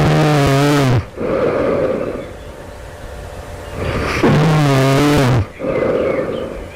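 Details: Two loud, harsh, rattling in-breath snores with fluttering vibration, separated by a quieter out-breath, heard right before awakening; the snorer wonders if this is developing sleep apnea.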